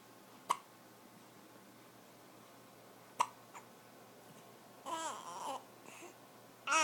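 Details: Four-month-old baby girl with two sharp hiccups several seconds apart, then soft babbling; ordinary infant hiccups.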